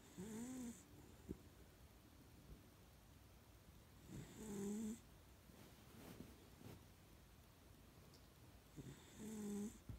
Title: My snoring dog